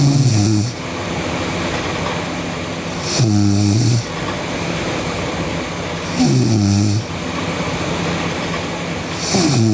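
Loud rattling snores with each breath in, about four in ten seconds, over steady room noise: heavy snoring.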